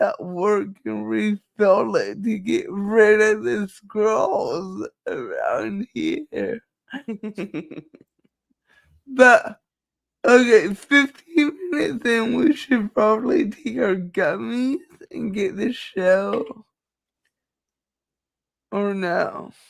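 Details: Dysarthria due to cerebral palsy in a woman, who states nothing can be done about it.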